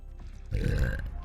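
After a quiet start, one deep, rumbling burp of about three-quarters of a second, with faint background music.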